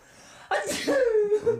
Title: Got7 sneeze